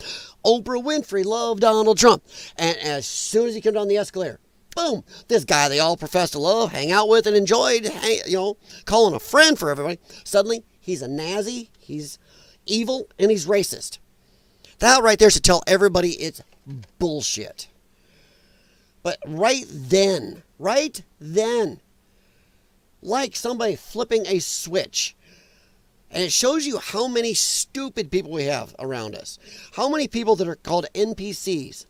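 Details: Dysphonia in a man whose vocal cords he says were damaged by infections from his lung problem; he is a former show choir singer and calls it a disability.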